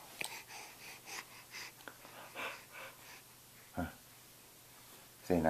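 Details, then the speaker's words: Hiccups, described as loud and occurring every day: quiet breathing broken by about three sharp, sudden gulping catches of breath over five seconds. "what are we going to do with them we got to do something about them right right what are we going to do with those hiccups what oh boy oh boy what where'd you get those hiccups huh where'd you get them those are loud ones every day now you're getting those"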